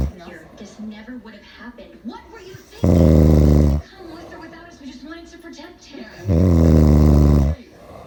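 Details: Two loud, deep, rattling snores on the in-breath about 3.5 seconds apart from an adult man (the recorder's father), with quieter breathing and faint background talk between; heavy snoring.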